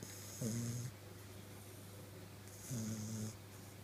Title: Snoring Bulldog puppy